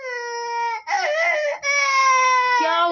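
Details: Baby crying after the mother snored: high-pitched wailing in short tearful bursts, with a brief sobbing catch between them; an ordinary upset infant cry.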